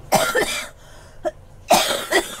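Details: Girl coughing during a gaming voice chat: two harsh cough bursts with a short gap, faint game sounds behind; a plain cough.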